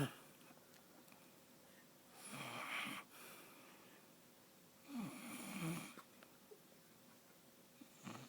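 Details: Ordinary snoring during sleep: slow rattling snores with each breath in, separated by quiet pauses.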